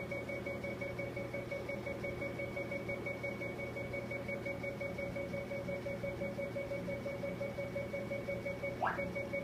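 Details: Facial laser during a collagen stimulation treatment for skin tone, fine lines and sun damage: a steady high tone with rapid regular ticking, about three pulses a second.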